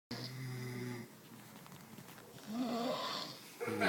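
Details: Female snoring: drawn-out, groaning breaths with a rough, vibrating tone over room noise.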